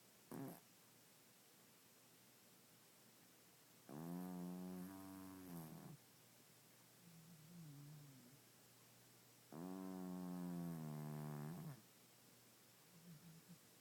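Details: Pet cat asleep in the dark, who snores all the time and gets loud: two long, droning, buzzy snores about six seconds apart with softer breaths between, quiet room. Snoring.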